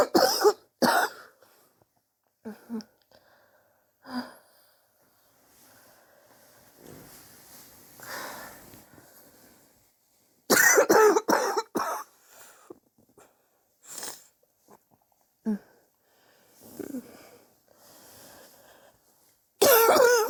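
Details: Repeated harsh adult coughs in bouts with noisy, strained in-breaths, recorded over several weeks; the cougher suspects bronchitis but is unsure, and a chest X-ray to check for pneumonia is pending.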